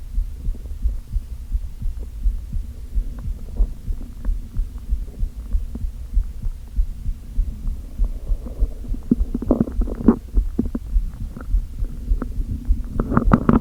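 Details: Stomach after not eating all day with only coffee, with hunger pangs and a slight headache: low continuous rumbling with soft throbbing, then louder bubbling gurgles toward the end; hunger borborygmi.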